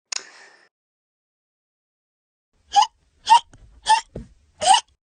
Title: HICCUPS PT2